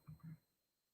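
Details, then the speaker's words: Adult live-streaming day trading notices their own stomach: two short, low rumbling gurgles in quick succession; stomach growling (borborygmi). "Ooh, that was my stomach. Did y'all hear that?"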